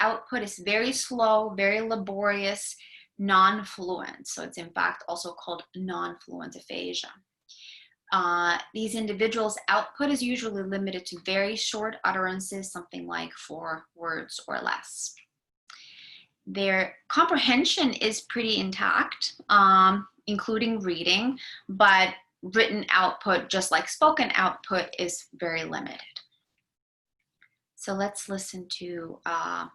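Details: Adult lecturer; none.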